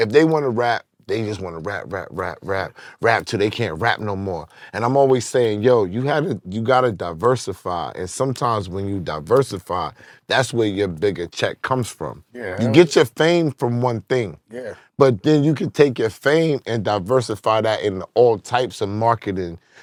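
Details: Adult man; typical speech.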